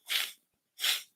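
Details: Two sharp, hissing bursts of air about half a second apart, from an adult man on a live stream who says he is getting stuffy and has taken Benadryl; double sneeze.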